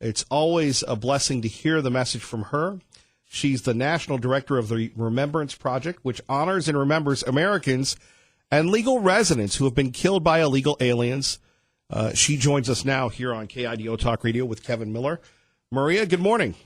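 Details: Adult male speaker; Normal voice.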